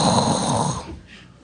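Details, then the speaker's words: Comedian imitating a person's snoring pattern during stand-up: one rough, rattling snore-like breath fading into quiet. "तो आपको पता होगा कि राटो का एक पैटर्न होता है इट गोज लाइक"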